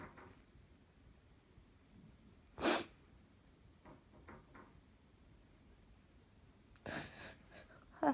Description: What an explosion!! These sneezes could not be kept in.